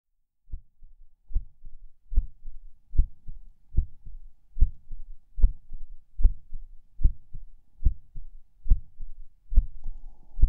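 Soft, low heartbeat at about 74 a minute with slightly uneven spacing, occasional skipped beats and a doubled second sound.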